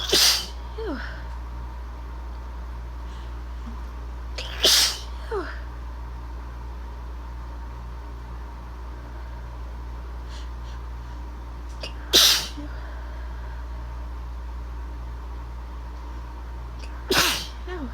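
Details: Four separate sharp sneezes, recorded sporadically and spliced together, over a steady low room hum; sneezing.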